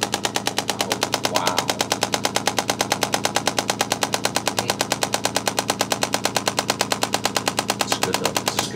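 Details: Shockwave therapy given by a chiropractic assistant to a chiropractor on the lower body region before moving up toward the neck: rapid, very regular, sharp clacking pulses from the device.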